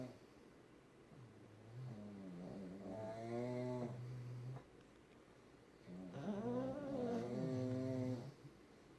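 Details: Pugs, a flat-faced breed, snoring while asleep: long, musical, whistling-toned snores with soft rasping on each breath, about 16 a minute.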